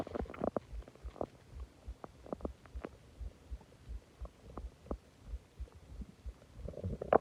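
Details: Loud stomach growling after eating a lot of food and drinking soda: irregular gurgling and bubbling rumbles with brief squeaky pops, building to a louder groan (borborygmi).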